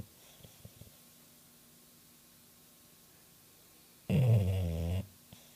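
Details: Single loud, low, rattling snore lasting about a second from a sleeping dog in a quiet room.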